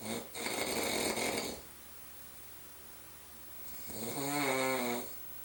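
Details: Adult man snoring in his sleep all night: two loud, harsh, rattling breaths, one drawn in and one let out, separated by a quiet pause; heavy snoring.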